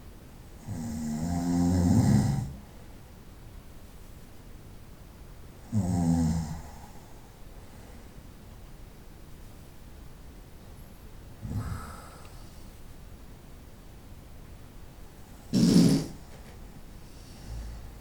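Low, rattling snores on the breath in, four in 18 seconds with long quiet gaps, in a quiet room.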